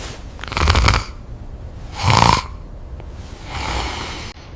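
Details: Snoring in a clip about obstructive sleep apnea: three loud, rough, rattling breaths in quick succession, with quieter breathing between them.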